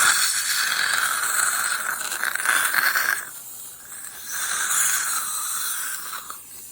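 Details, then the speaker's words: Dental suction during a root canal of maxillary second molar #15, after bleach irrigation of the canals: loud hissing, gurgling noise rising and falling as the vacuum clears water. "Okay, and a little water coming. Okay, we're gonna vacuum that."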